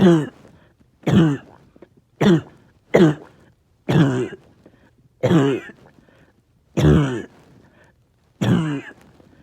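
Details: Cough lasting all day with tiredness and chest pain: eight short, harsh, voiced cough bursts over about nine seconds, repeating steadily; a persistent cough.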